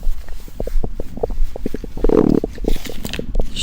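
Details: Low gurgling and rumbling abdominal noises with soft clicks, recorded while eating a convenience-store dinner of a pizza bun, tea eggs and corn during dieting; ordinary bowel sounds.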